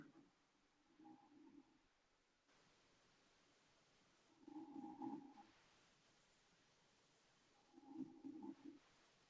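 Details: An adult woman (aunt) snoring: three low, buzzing, droning snores, each about a second long, at slow breathing intervals.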